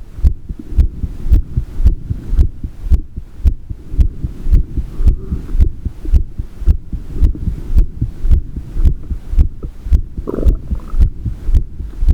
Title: PP H26 12 3 大人時間の心音 heartbeat heartsound